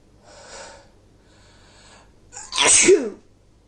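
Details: Woman coming down with a cold takes two soft breaths in, then one loud, sharp, wet sneeze with a voiced ending: a single sneeze.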